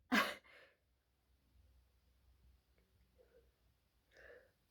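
One sharp explosive sneeze, then soft breathing and faint voiced sounds: a single sneeze.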